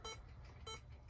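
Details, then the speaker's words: Portable SpO2/capnography monitor finger probe on an adult, reading SpO2 95 rising to 97, heart rate a little high; two short electronic pulse beeps about 0.6 seconds apart, roughly 100 a minute, low room hum. "And then once we put our finger on it, we should start to get a reading, which we are."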